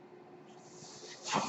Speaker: noise you're hearing is my ventilator.